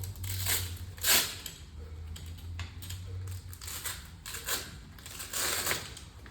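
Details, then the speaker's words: Traction splint application on a simulated patient for a closed midline femur fracture, manual traction held; repeated rustling, scraping and ripping as straps are adjusted, two above and two below the knee, low room hum. "And we're also going to go ahead and start adjusting these straps. So when you go ahead and once you've put it on, you will want 2 straps on the thigh and 2 straps beneath the knee."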